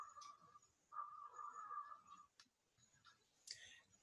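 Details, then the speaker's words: Chest auscultation in a respiratory exam teaching demonstration: faint, high-pitched whistling musical tones that come and go over quiet breath noise, continuous, multiple and widespread, in inspiration and expiration. Wheezes. "e já o sebiro aparece também tanto na respiração pode na inspiração tem uma frequência mais alta ou seja um som mais agudo e eles são múltiplos e disseminadas"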